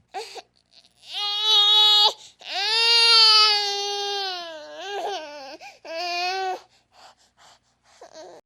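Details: Sound-effect recording of a baby crying in several long, wailing bursts with breaths and short whimpers between; ordinary infant crying.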